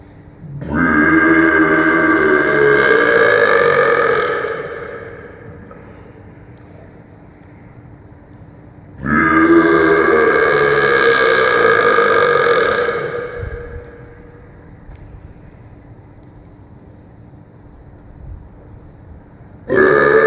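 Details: Two long, loud, voiced belches lasting several seconds each with echo, a third starting at the end; deliberate forced burping.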